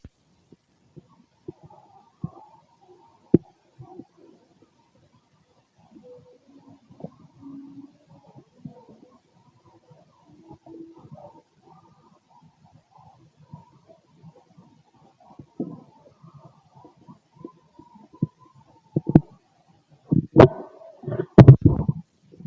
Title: Male stomach noise (6 hrs after eating) #digestiveprocess #stomach #stomachnoises #stomachsounds